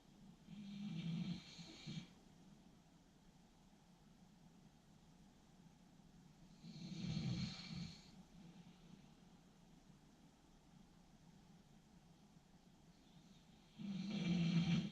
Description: 코골이 소리 듣다 보면 졸리는